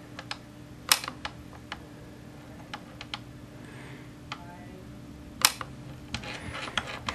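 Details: YAG laser vitreolysis of an eye floater, a partial Weiss ring: sharp irregular clicks from laser shots progressively breaking up the floater, with quiet room noise.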